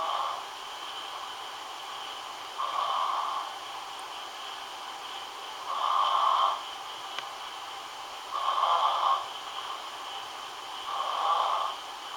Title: 1 8 2011 snoring